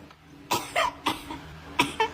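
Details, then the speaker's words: Simulated cough by an adult acting in a Hindi husband-wife comedy skit: about five short, dry cough bursts in quick pairs; the partner suspects an infection. "अरे क्यों आ रही है खांसी infection हो गया होगा"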